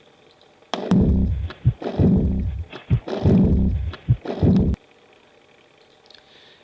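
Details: Teaching recording from a paediatric heart murmur lecture: heartbeat near 50 a minute with a blowing murmur after each beat, heard at the left sternal border, an aortic regurgitation diastolic murmur.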